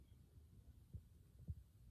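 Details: Student nurse's head-to-toe assessment, stethoscope at the aortic area (right second intercostal space), bell and diaphragm used: two faint, soft heartbeats over low hum; normal heart sounds.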